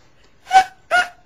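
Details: Adult woman with Tourette syndrome making a frequent phonic tic, which occurs more often than her coprolalia; vocal (phonic) tic.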